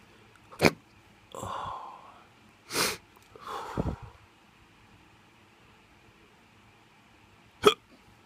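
Several sharp hiccup bursts with soft groaning vocal sounds between them, irregularly spaced over about eight seconds.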